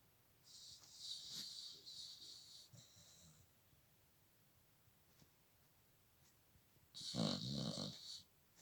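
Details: A dog snores in a quiet room, with soft hissing, whistly breaths followed by a short rattling, snort-like snore.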